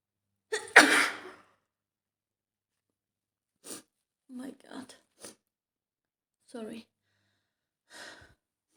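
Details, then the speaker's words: Simulated scenario of a woman coming down with a cold after being out in the rain, throat starting to hurt: one loud acted sneeze, then several short breaths and gasps in a quiet room. "sorry I think I'm going to have a cold yeah I'm sorry I hope you're not going to catch it"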